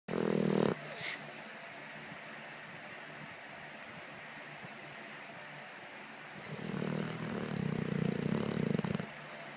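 A loud short snort, a quiet pause, then a long rough buzzing snore of several seconds: snorting and snoring.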